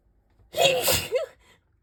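A single explosive sneeze with a voiced gasping onset, in a quiet room.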